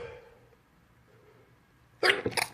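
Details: A single sneeze from a morning bout of 30 or 40 sneezes: quiet room, then a sudden loud explosive burst with a second spray-like release.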